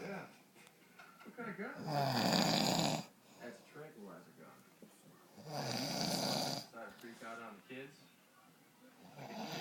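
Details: Adult man (father) snoring in sleep: two loud, rattling snores on breathing in, with quieter breathing between.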